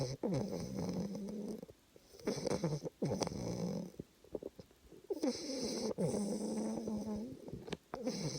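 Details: Loud, rattling snores with a low, steady buzz in regular breath cycles, about 20 a minute, with brief quiet gaps between; snoring.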